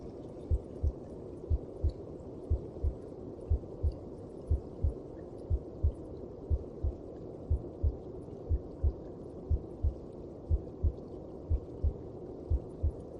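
Steady, regular low double thumps at about 60 beats a minute over a soft muffled hum; a calm, even heartbeat.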